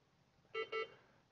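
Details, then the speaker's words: Two short, bright alarm beeps from a patient monitor during QA testing, with a simulator feeding high vital signs above all alarm limits (blood pressure 275/190, mean 227), checking that the alarms sound. "it's the first time up but we're not going for accuracy here we're just making sure all these alarms are in fact sonics"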